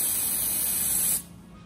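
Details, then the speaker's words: About one second of steady hissing from cold numbing vapocoolant spray on a patient's toe, just before local anesthetic injection, for an ingrown toenail with a large soft tissue mass (granuloma) over it, present about three weeks. "All right, here we go. A little cold spray."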